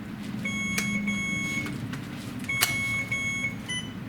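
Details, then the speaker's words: Repeated high-pitched electronic beeps over a low room hum from an Alaris infusion pump during chemotherapy administration, while priming reused primary tubing after a Rituxan infusion; an infusion pump alarm beeping. "So once you get that infusion complete alarm, you'll go ahead and channel off."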